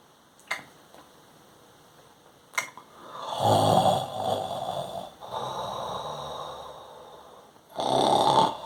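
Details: Imitated snoring performed by a person: a sleeping-time nasal snoring sound.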